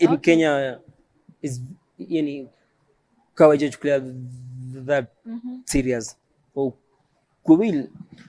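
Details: Adult man who stammers, self-described neurological stammering since birth; stuttering.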